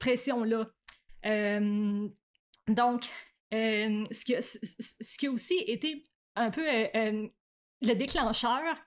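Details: Adult woman who stutters, stuttering since about age 7 or 8; stuttering.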